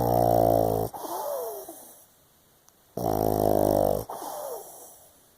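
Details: Tired, sleeping 7-year-old pug: two loud, deep, buzzing snores, each followed by a softer whistling breath out; heavy snoring.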